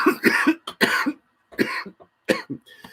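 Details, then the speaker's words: Adult with influenza A coughing during a livestream, microphone on a table a little way away: about seven harsh, forceful coughs in quick clusters. "Can you hear me coughing out my lungs okay? Oh, owie."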